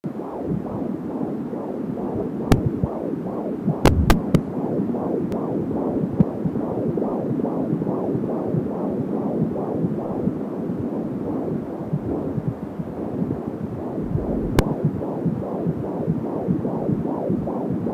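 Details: Fetal heartbeat at 21 weeks 2 days of pregnancy, captured at home with an AngelSounds fetal Doppler: rapid, regular whooshing pulses at about 150 beats a minute.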